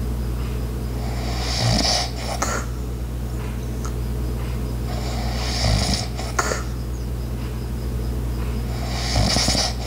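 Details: Light snoring, soft low snores about every four seconds (roughly 15 a minute), over steady household hum with faint clicks and footsteps from background ice maker, clock and walking sounds.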